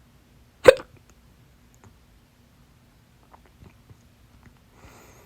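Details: A single sharp, abrupt hiccup, then faint small sounds in a quiet room, from a stubborn, fast 30-minute hiccup bout blamed on too much salsa; the hiccups stopped after the fourth breath-hold.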